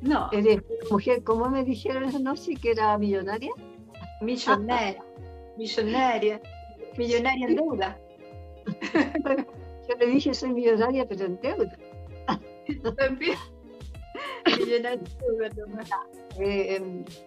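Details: Adult woman speaking Spanish; Normal voice.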